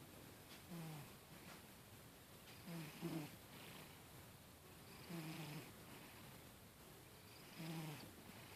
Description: My fast asleep cat snoring away!